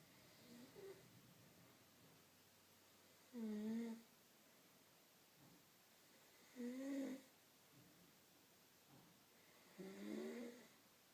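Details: Wife snoring while asleep: quiet, tonal, whistling snores about every three seconds, roughly 19 breaths a minute, in a small quiet room.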